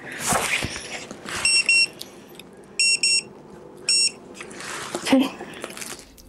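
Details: Full-mouth dental radiograph series on a returning patient: three short high-pitched electronic beeps from a dental X-ray unit signalling an exposure, over quiet room noise and faint talk.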